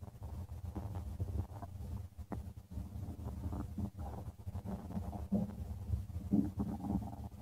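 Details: Stomach of a person: continuous low gurgling and rumbling, ordinary bowel sounds (borborygmi).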